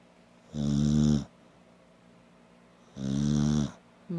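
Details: Red snoring with eyes wide open, lying on Grandma after sleeping all day: two loud, deep, rumbling inspiratory snores separated by quiet expirations; steady snoring.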